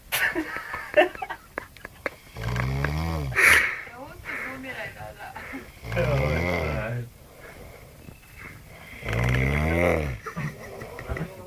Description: Some drunk snoring